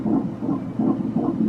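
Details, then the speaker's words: Doppler fetal heartbeat at a 13-week NT ultrasound scan, mother lying on her right side: fast, regular whooshing pulses about 160 a minute with steady rhythm; normal fetal heartbeat. "So, before it wakes up, let's get a heartbeat down in there."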